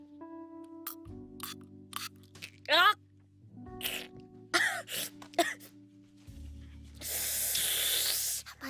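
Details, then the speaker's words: About two seconds of pump-spray hiss after scattered clicks and brief voice sounds, with background music: a propolis throat spray (17 mg flavonoid) that is nearly used up, sprayed into the throat. "나 이거 목스프레이 거의 다 써 가는구나"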